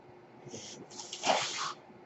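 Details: A short, breathy whoosh of air rises and falls over about a second against quiet room noise: mechanical ventilator noise as the speaker's own ventilator delivers a breath during his podcast recording.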